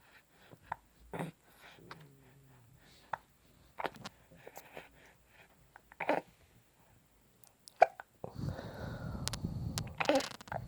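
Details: Two-month-old baby with hiccups: small, soft, irregular hiccup clicks, with faint room noise and rustling toward the end.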